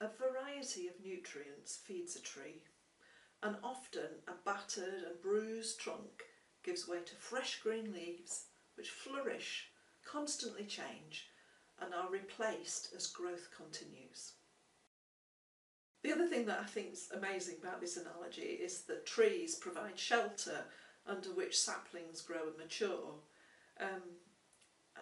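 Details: Adult woman; normal speech.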